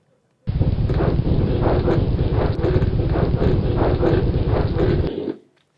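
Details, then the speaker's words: Dense fine, soft Velcro-like crackles through each breath, much finer and softer than coarse crackles, suggesting lung tissue disease. "compared to this one. Can you appreciate is a completely different sound. Much finer, much softer."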